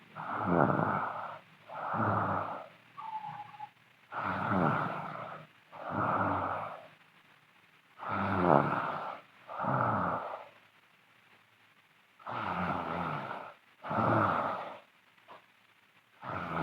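Loud, rough, regular snoring on both the breath in and the breath out, about 15 breaths a minute. Ordinary snoring.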